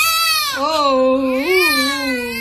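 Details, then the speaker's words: Strong, clear, wavering cry of a newborn baby shortly after birth in hospital on the delivery day; a normal healthy newborn cry. ">> काय करतोय ग बाळ >> रडतय बाळ >> काय करत बाळ रडतय रडत आहेत बाळ"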